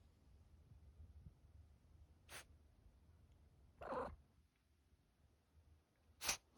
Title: Sneezing cat🤧